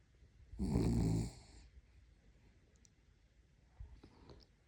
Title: Snoring sleeping cuteness puppy #puppy #views #dog